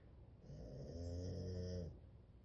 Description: Sidney is back and snoring in deep sleep.